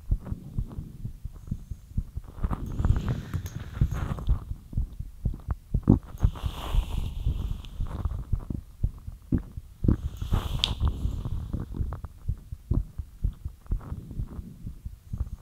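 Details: Heartbeat after light exercise: quick, soft, low thumps with some rustle and faint breathing; a fast heartbeat.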